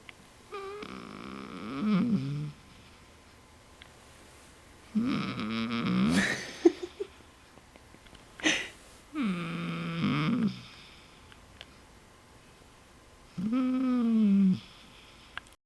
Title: Grizz Snores